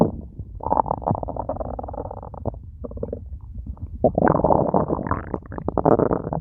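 Loud, continuous gurgling and rumbling from the belly with bubbling surges; ordinary bowel sounds.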